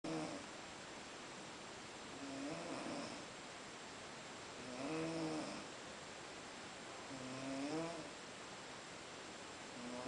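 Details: Snoring while asleep after a long day: soft, rhythmic snores about every two and a half seconds, each breath a low fluttering hum, over steady background hiss.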